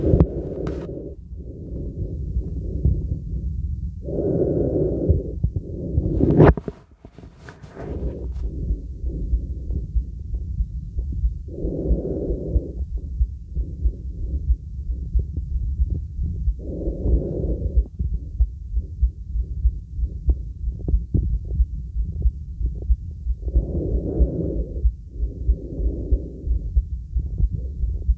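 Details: Normal neck pulse and breathing in a girl, heard through a real stethoscope on the neck during full-body auscultation: muffled low pulsing under soft breaths.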